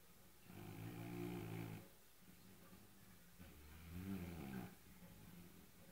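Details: Two loud, rattling, buzzy snores about three seconds apart with quieter breathing between, from a sleeping fat white male cat; snoring.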